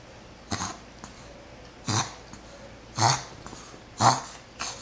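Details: Pet named Cecy gives five short, sharp sneezes in quick succession, about one a second; sneezing.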